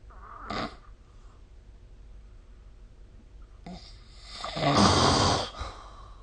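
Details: Snoring during sleep, recorded with the SnoreLab phone app: two rough, noisy breaths with a quiet pause between them, the second long and loud.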